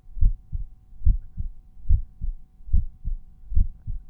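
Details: Resting heartbeat recorded at the mitral auscultation point, with volume normalized for each point; normal heart sounds.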